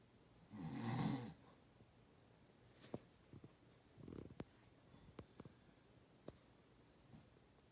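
One loud rough snore on an in-breath, followed by quiet breathing and small clicks in a quiet room.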